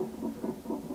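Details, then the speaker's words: Fetal heart tones on a Doppler monitor during a late-pregnancy non-stress test, with the baby moving a lot: rapid, rhythmic whooshing pulses of a normal fetal heart rhythm; the monitor strip shows an early acceleration. "The nonstress test monitors the baby's heart rate. The higher the better."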